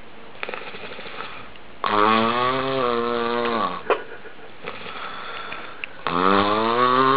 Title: Funny Snoring